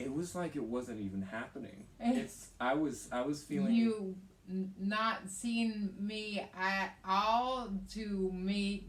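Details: Adolescent boy speaking; typical speech.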